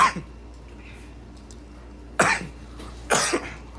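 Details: Three short, sharp, dry coughs from an adult eating pizza with friends, with quiet room noise in between: dry cough.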